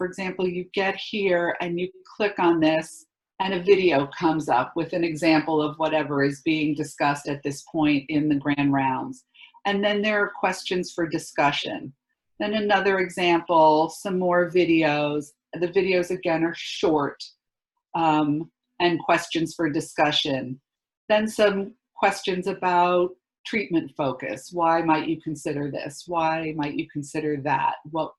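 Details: Adult woman speaking; normal speech.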